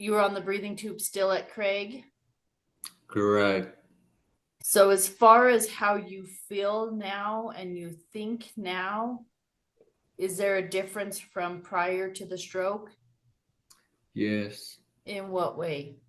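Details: Adult speaker in conversation; normal speech.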